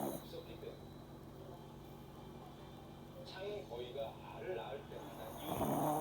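Soft, steady snuffling snore from a sleeping puppy, with a low hum and faint background noise.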